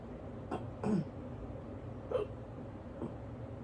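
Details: Person half asleep after waking with an awful case of hiccups and unable to get back to sleep: three or four soft, brief hiccups at irregular intervals over low background noise.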